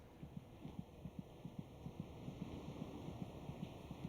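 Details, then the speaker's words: Rapid, regular soft thumps at about 150 a minute, about twice the mother's rate, heard through the pregnant abdomen late in pregnancy; a normal fetal heartbeat. "The fetus's heart beats about twice as fast as the mother's. Monitoring the baby's heartbeat gives a good indication of his general condition."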